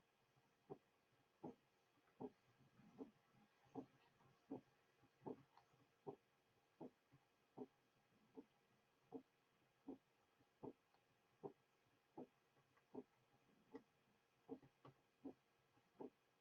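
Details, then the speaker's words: Paradoxically split second heart sound: split audible during expiration, narrowing or becoming single during inspiration; aortic component comes after the pulmonary component. "The split will be audible during expiration, and the second sound splitting will be narrow or become single during inspiration. The paradoxically split second sound is heard best at ba"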